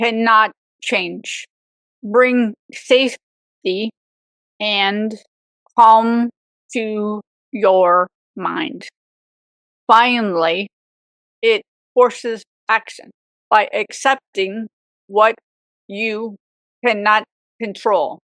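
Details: Aphasia with apraxia of speech in a woman 18 years after a severe stroke at age 44.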